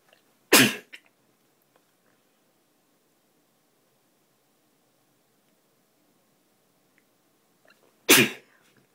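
Two sharp, explosive sneezes several seconds apart, with quiet in between.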